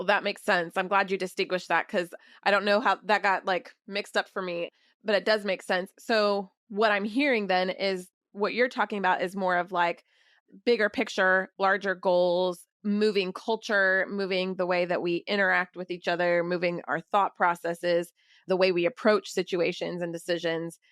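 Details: Adult woman speaking; typical speech.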